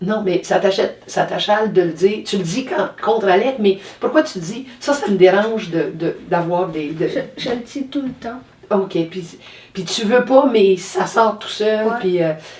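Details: Adult woman speaking French; normal speech.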